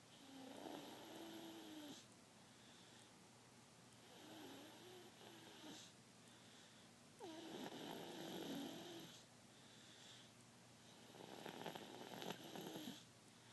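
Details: Four long rattling snores with whistling, squeaky tones, about one every three seconds; snoring.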